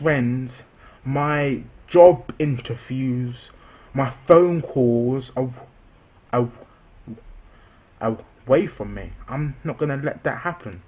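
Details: Adult man with a self-reported stammer, speaking spontaneously. Stuttering.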